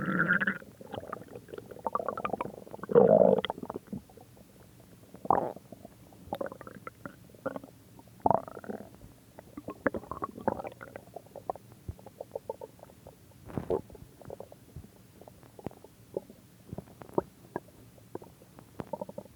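Soft, irregular gurgles and rumbling bursts come and go throughout, typical of ordinary stomach growling.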